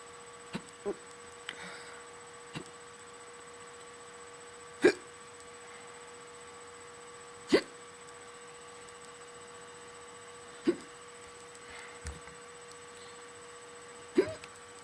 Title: a bad case of the hiccups 3